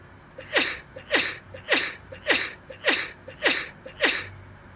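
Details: Run of seven quick, sharp sneezes, about two per second, each preceded by a short catch; tagged as allergies.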